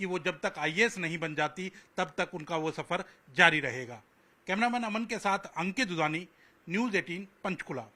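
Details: Adult reporter; typical speech.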